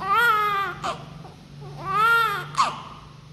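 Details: Newborn on first day in hospital: two strong, clear wails with brief breaths between them; a newborn's normal cry.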